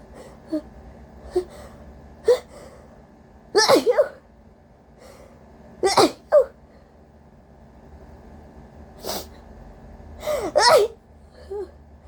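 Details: Induced rapid-fire sneezes during a cold with a very congested, sensitive nose: about six forceful sneezes in quick succession with sharp inhalations between them.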